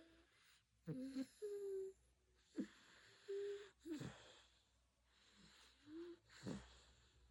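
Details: Sleeping cat snoring: short squeaky, whistling nasal sounds with soft snorts on each breath.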